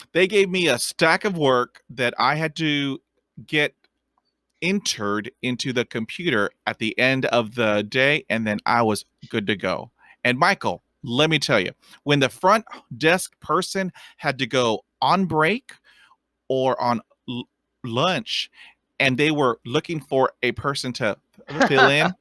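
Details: Adult man who stutters and has had over two decades of speech therapy; finding: stuttering.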